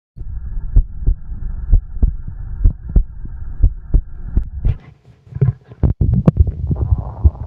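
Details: ASMR recording: steady paired heart thumps at about 63 a minute, then gurgling stomach rumbles over the heartbeat: heartbeat with bowel sounds.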